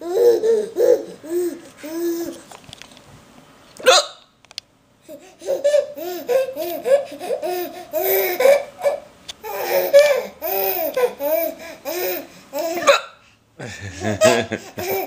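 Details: Father's sharp, abrupt hiccups recurring amid bursts of a baby's laughter; adult hiccups.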